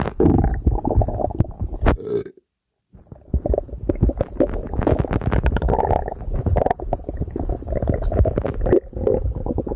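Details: Stomach digesting a light breakfast: steady low gurgling and rumbling with bubbly pops and a brief pause, bowel sounds of digestion.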